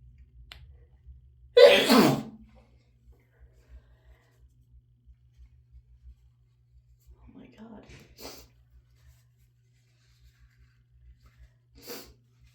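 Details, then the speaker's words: Adult with a cold, allergy to the puppy and hormone-worsened allergies, after sniffing strong chhinkni snuff: one loud, forceful sneeze, then quieter sniffs and breaths in a quiet room. "Sometimes I wish I sneezed like she does, but I feel like that would drive me just as crazy as not being able to sneeze at all."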